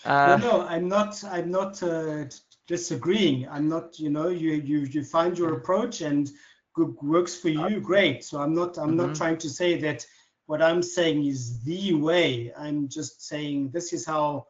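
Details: Stuttering in an adult man who has stuttered since childhood.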